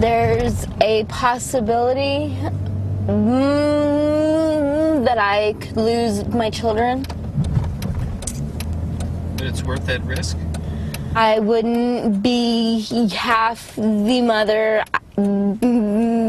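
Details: Adult woman with cerebral palsy from birth, manifesting most noticeably as a severe stutter, right side weaker than left; says cannabis helps her speech, 3 days since last smoking; stuttering in cerebral palsy.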